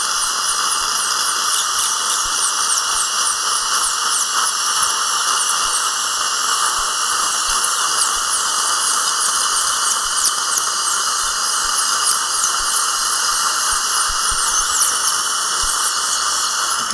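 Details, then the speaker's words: High-speed dental drill with spray hiss and suction, cutting the front part of a horizontally impacted lower wisdom tooth with a No. 5 bur during surgical extraction, live seminar demonstration guiding a student dentist's hand. "이렇게 번은 5번입니다 5번 앞부분부터 살짝 자르겠습니다"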